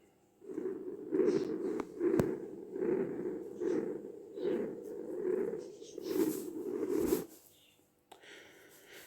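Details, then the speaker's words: Patent ductus arteriosus heard at the left second intercostal space: a continuous systolic-diastolic machinery murmur, rumbling and swelling with each beat at about 72 a minute. "أما عندنا البتين ديكتس ارتريوسس فهو يصنف ضمن السايستوليك ودايستوليك مرمر. شو نسميها؟ الميكانيكال مرمر."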